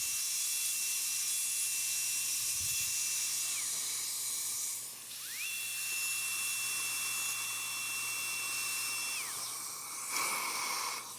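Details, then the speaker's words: High-speed dental drill preparing the canine for a crown, breaking contacts with adjacent teeth due for removal, in a woman losing many teeth after periodontal treatment: high steady whine in two long runs with constant hiss. "I'm not so worried about the adjacent teeth as I break my contacts just because the they're going to be removed"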